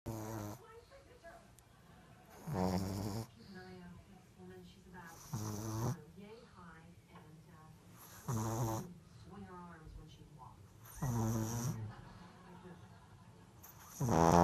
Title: Laila The Pug sleeping and snoring ( so funny )